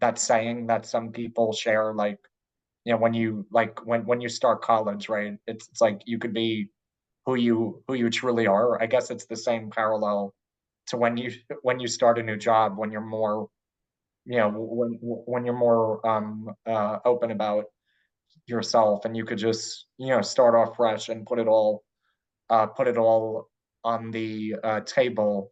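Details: Adult man who identifies as a person who stutters, speaking with part-word repetitions and interjections; stuttering.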